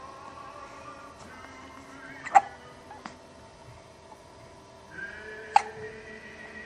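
Short sharp hiccup catches recur at irregular intervals over a steady tonal background sound; hiccups.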